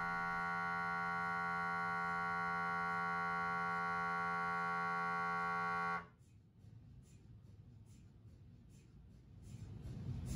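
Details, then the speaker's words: Loud steady buzzing drone with rapid regular pulsing for six seconds, then quiet room noise: sagittal T1 FLAIR, a fast inversion recovery sequence, in a brain MRI on a GE Signa Excite 1.5T scanner. "ang sagittal T1 flare MRI series ay isang mabilis inversion recovery sequence na idinisenyo upang makamit ang mas mahusay na tissue contrast to noise ratio pati na rin ang mas mahusay na signal to noise ratio sa mas maikling panahon kung ihahambing sa isang spin Echo scan sequence"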